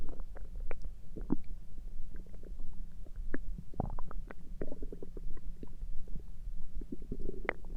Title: Stomach noises through the night (1000 subscriber special) (voice reveal)